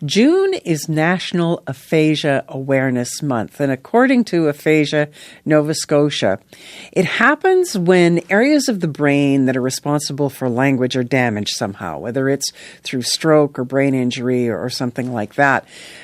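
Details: Adult woman speaking; typical speech.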